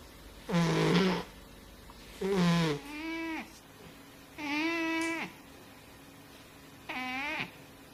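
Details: Overweight cat sleeping: repeated buzzing, whistly snores roughly every two seconds, some as paired in-and-out breaths, in a quiet room; snoring.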